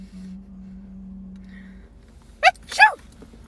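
A faint hum, then two sharp explosive bursts close together, each with a brief intake. Two sneezes, possibly faked as a prank.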